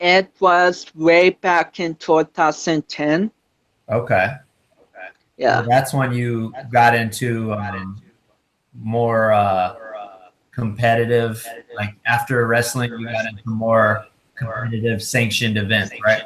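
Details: Adult male speaker; normal speech.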